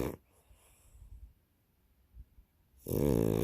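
Soft snuffling breath, then a loud rough snore starting at the end; snoring in a flat-faced dog.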